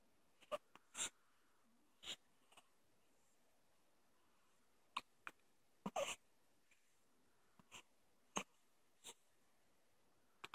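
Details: Short, sharp, irregular hiccups in a quiet room, about eleven in ten seconds.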